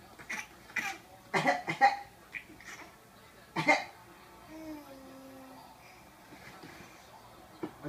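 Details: Cough.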